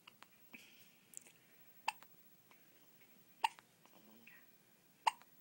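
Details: Baby daughter with hiccups, which she gets after every feeding: three sharp, brief hiccups about every one and a half seconds, with soft breathing between.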